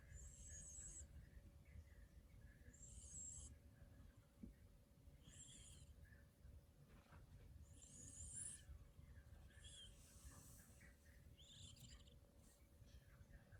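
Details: Sleeping cat making soft, high whistling squeaks with each breath, about 25 a minute; snoring.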